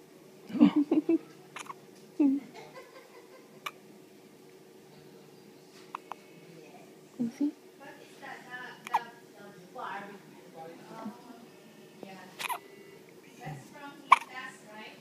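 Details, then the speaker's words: Short, abrupt gulping hiccup catches recur between quiet voices in a small room; hiccups. "Hi, Daddy. You get the hiccups, huh? Oh."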